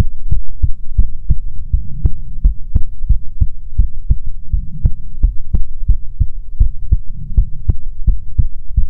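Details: Steady, regular heartbeat at about 85 beats a minute, soft paired thumps over a low hum, played as a soothing ASMR heartbeat sound.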